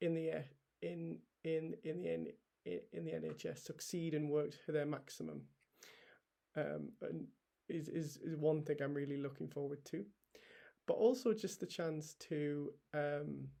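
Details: Adult male paediatric trainee doctor with a real stammer he has had for as long as he can remember; stammering.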